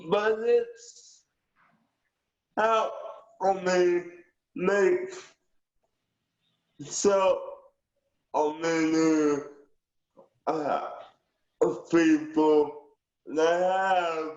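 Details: Aphasia with cerebral palsy in a 19-year-old male who understands well, with delayed speech, tangents, and fragmented, hard-to-follow answers.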